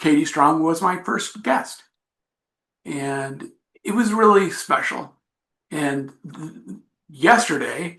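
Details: Adult man with aphasia after an accident. He says recovery is a long road but he is getting much better. Finding: aphasia.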